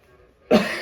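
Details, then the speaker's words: Adult with asthma since birth and chronic bad chest problems, worse with weather changes, gives a single sudden harsh chesty cough after a brief quiet; described as painful: cough. "hear that? It's disgusting. It's that kind of cough is so painful, you know."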